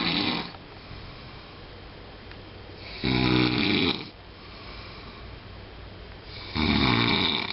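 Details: Loud rasping snores on each breath in, about 17 a minute, with quiet breathing between; snoring.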